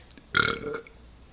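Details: A single loud, voiced burp lasting about half a second, from a male YouTuber in a burping compilation; an ordinary belch.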